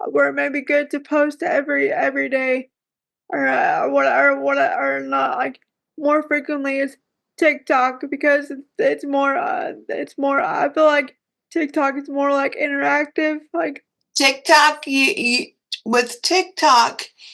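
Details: Dysarthria in a 34-year-old woman with cerebral palsy who says talking is hard for her; live-stream viewers often ask whether she is okay.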